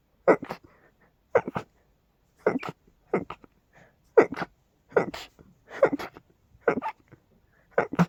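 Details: Sneezing fit blamed on dust and pollen: about ten short, forceful, loud sneezes in rapid succession, roughly one per second, in a quiet room.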